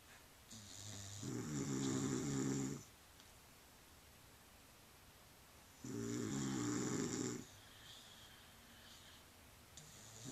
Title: Dog and Boyfriend Snoring